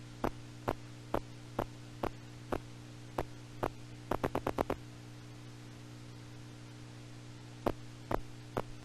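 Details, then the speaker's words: Needle EMG, spontaneous activity without needle movement or voluntary firing: bursts of crisp pops recurring at an uneven cadence like soldiers marching out of step, myokymic discharges. "And you know, when you're not the one moving the needle, you can tell that this is spontaneous and not coming from you moving the needle. And the patient isn't voluntarily firing, so. So that's our myokymia, marching soldiers."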